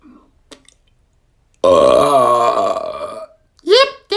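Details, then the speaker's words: A long, loud, drawn-out voiced belch lasting over a second, followed by a short vocal exclamation; praised as the best burp ever and said to smell bad. Burping. "that was a nice burp. That was burp. That was the nice burp ever."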